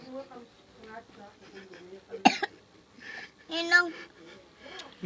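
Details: Small child coughing with one or two sharp bursts amid quiet vocal sounds after eating a lot of instant noodles.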